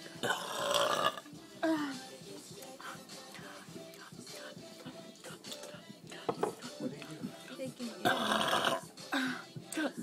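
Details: People in a biggest-belch contest: two long, loud, voiced belches with quieter sounds between and music in the background; burping.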